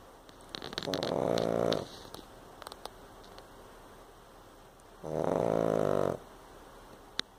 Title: Snoring Pug